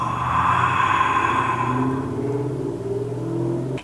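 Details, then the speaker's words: Imitated snoring: an adult deliberately makes one sustained, rough, fluttering rumble from the throat and back of the nose, to teach the exhale of ujjayi yoga breathing. "先教大家两个取巧的方法怎么学，如果取巧的学不会，我们再去学那种一步一步来的。大家会打呼吗？就是这种声音。"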